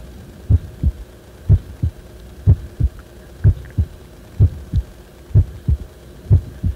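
Steady heartbeat at about 62 a minute, clear paired lub-dub sounds over a low hum; heart sounds recorded during an abnormal spell.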